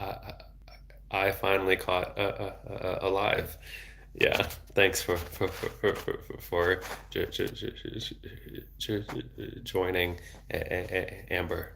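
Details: Adult man, a speech-language pathologist, who has stuttered since age 8 and had speech therapy off and on until his early 20s; repeated word repetition; stuttering.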